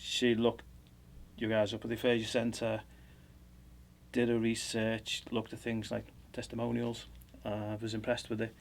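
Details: Adult male speaker; unaffected speaker.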